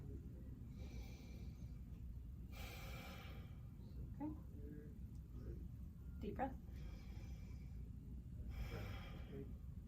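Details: Chest auscultation with a stethoscope by a student nurse while the patient takes deep breaths on request: several slow, deep breaths with soft, even airflow and no wheeze or crackle, normal breath sounds.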